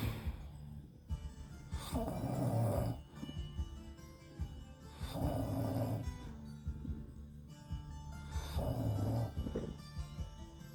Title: My husband said "I don't snore". Lol!